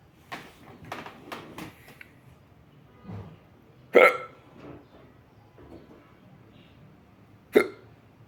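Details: Two sharp, abrupt hiccups about three and a half seconds apart, with softer breathing sounds in a quiet room; ordinary hiccups.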